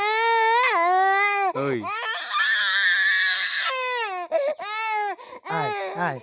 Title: cute baby cry